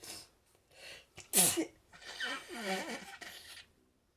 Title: Allergic sneeze attack in the morning